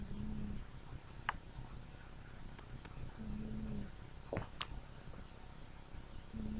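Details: Sleeping cat snoring: faint, low snores one every few seconds, with small clicks and room noise.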